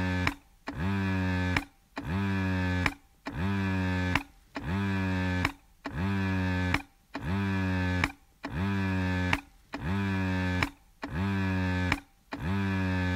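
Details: An electric breast pump running steadily, with regular mechanical cycles at about 47 a minute, each a rising whir then a sustained hum with a brief pause.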